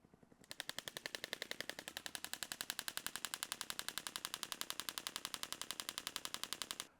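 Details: Rapid, steady train of sharp clicking pulses, roughly 80 a minute, from a radial shockwave therapy device applied to the Achilles tendon of a patient, ankle slightly dorsiflexed to stretch the tendon.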